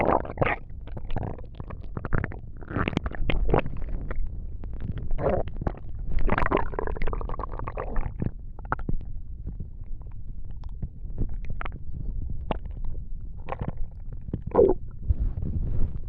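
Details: Bowel sounds: low gurgling and rumbling from the abdomen, with frequent irregular bursts over a deep background; stomach noises.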